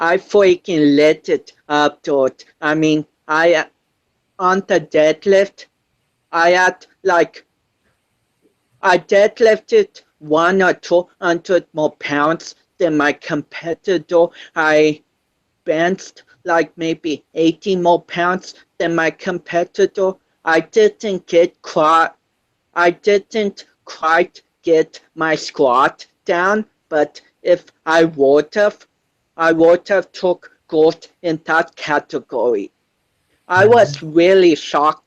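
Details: 25-year-old male born with cerebral palsy affecting balance, coordination and speech; dysarthria (cerebral palsy).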